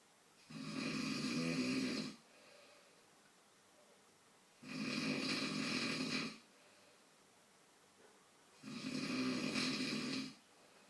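Three long, rough, rattling snores on each breath in, about 15 a minute, with quiet breathing out between; steady snoring in sleep.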